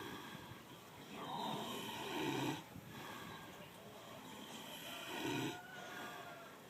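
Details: One of the owner's pet pigs snoring in its sleep: two slow, rasping snore cycles about three seconds apart, each ending in a throaty rumble.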